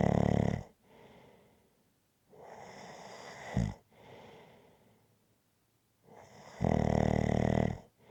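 Loud rattling snores on inhalation alternate with quieter breathy exhalations, roughly every three seconds: ordinary rhythmic snoring.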